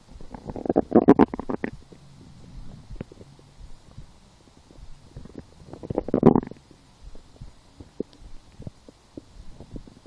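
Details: Two loud gurgling, bubbling bursts about five seconds apart with quieter crackling clicks between, hunger-related stomach growling (borborygmi) while lying down, after skipping breakfast, a small lunch and two doughnuts 4 hours later.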